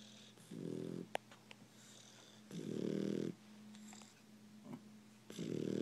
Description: She is asleep and snoring